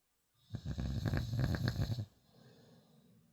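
A single loud, fluttering snore on an inward breath, followed by quiet breathing.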